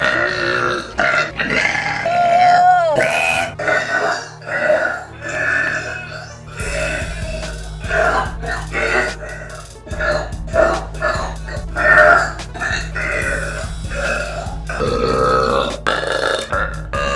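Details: A girl deliberately trying to do deep burps: repeated long, voiced belches over background music.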